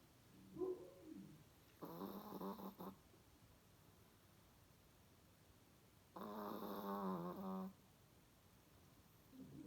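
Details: A Chihuahua dog snoring after a long, busy, tiring day.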